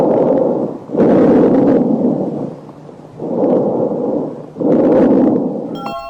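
Soft, even rushing breath sounds through a stethoscope, with no crackles or wheeze: normal breathing.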